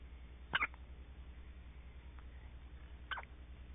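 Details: Two brief, sharp hiccups about two and a half seconds apart over a steady low hum.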